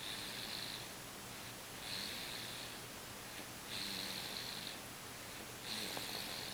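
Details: Gentle snoring of a sleeping young boy: four soft, hissy, high-pitched snores in a row at about 31 a minute, over quiet room noise.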